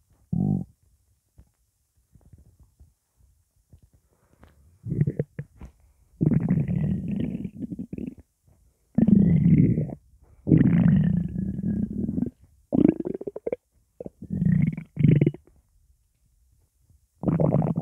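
Loud, drawn-out gurgling groans and squeaky rumbles with short pauses between them, fitting hunger rumbling from an empty stomach.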